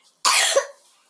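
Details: A single sharp, dry cough from a young girl in a quiet room.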